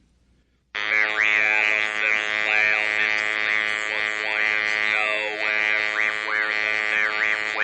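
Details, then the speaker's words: A passage is read aloud with an electrolarynx held up, in Dr Rivers' replication test: a flat, robotic buzzing voice at one unchanging pitch with words shaped over it. Electrolarynx speech. "Let's uh let's play that now and and folks can hear what we're talking about the Dr River's replication of the spirital results I am going to read a brief passage for you with the electro larynx held in front of my"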